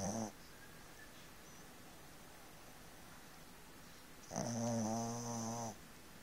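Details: A brief snore at the start, then a longer buzzy, rattling snore after a quiet pause: a Shih Tzu dog snoring in its sleep.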